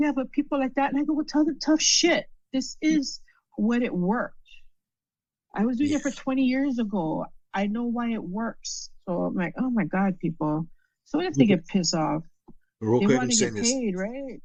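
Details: Adult female stroke survivor with aphasia after a stroke, with word-finding difficulties.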